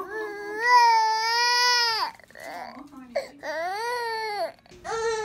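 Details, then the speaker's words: Four-month-old baby girl at a checkup, crying after her last and most painful immunization injection: loud, sustained wailing bursts with brief gasping breaths between; a pain cry that lasted only a few seconds. "Tell her. So I'm pretty well. She only cried for a few seconds there."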